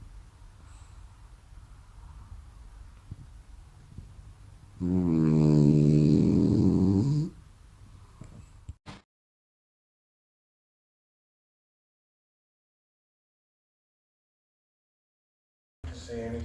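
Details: A sleeping French Bulldog: a single loud, low, fluttering rattle lasting about two seconds over quiet room noise, a dog's snore.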